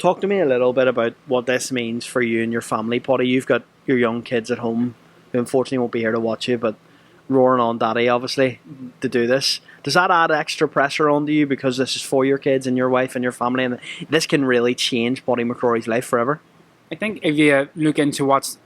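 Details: Adult male speaker (interviewer); normal speech.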